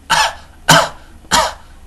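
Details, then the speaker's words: Barking cough imitated by an adult to demonstrate croup (laryngotracheobronchitis), in a pediatric cough teaching: three harsh, abrupt coughs. "implies a croup. That's an upper, it is also called a tracheolaryngobronchitis. That's croup."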